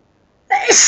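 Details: Forceful sneeze fit, louder than usual sneezes: after a moment of silence, one sudden, loud, forceful sneeze; ordinary sneeze within a long run of repeated sneezes.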